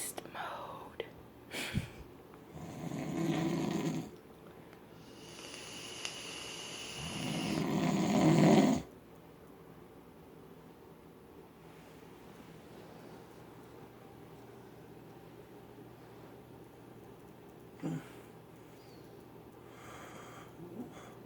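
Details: Adult man (husband) in deep sleep, snoring loudly then softly: two loud rough inspiratory snores, then quieter breathing with room noise; snoring.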